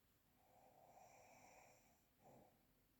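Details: Real, unprocessed recording of snoring: quiet, rasping breathing noise in a small room with a brief snort near the end.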